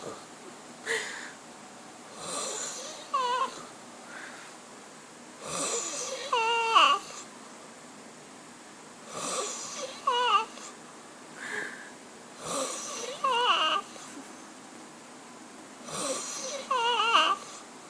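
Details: Regular snoring at about 17 breaths a minute, each a rough rattle followed by a high whistling squeak; snoring.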